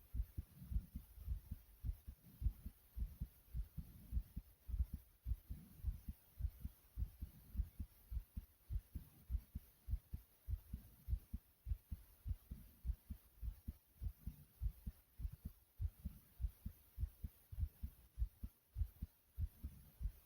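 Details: Self-recorded fast heartbeat of about 100 beats a minute: steady low thumps with faint heavy breathing underneath, a rapid heartbeat.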